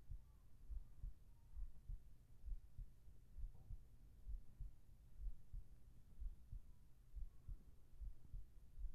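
Soft, low paired thumps repeat steadily at about 67 beats a minute over a faint hum. This is an ordinary heartbeat.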